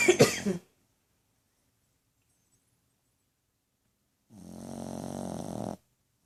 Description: My dog snoring louder than a human